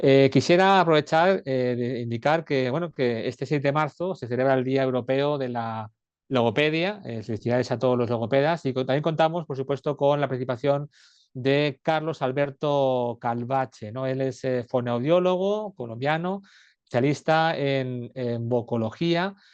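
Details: Adult speaker; normal speech.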